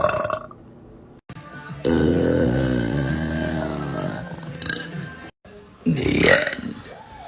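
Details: Adult woman (a mom) burping hard; she says she sometimes swallows air. Several loud, drawn-out, rumbling burps separated by brief cuts, with faint background music.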